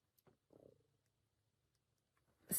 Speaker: so now that's my stomach growling just ignore it my stomach is making gurgly noises stop it stomach